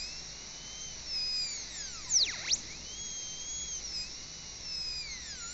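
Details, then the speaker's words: High-speed dental drill with spherical diamond bur 1013 entering at about 45 degrees to the tooth surface for a cavity preparation on a model tooth; high whine briefly dipping as the bur meets tooth. "Peguei a mesma broca esférica diamantada 10-13. Eu entro com ela num ângulo de mais ou menos 45 graus com a superfície do dente."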